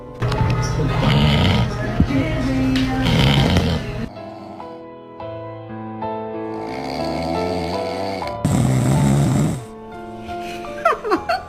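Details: Sleeping dog lying on a person, low rumbling snores partly masked by background music; dog snoring during sleep.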